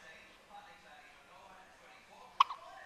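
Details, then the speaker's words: A cat with hiccups, with a person talking to her. "hi Katie have you got the hiccups yes you do have the hiccups"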